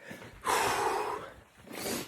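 A sharp noisy intake of breath followed by a second shorter one, gasping inhalations like those before a sneeze.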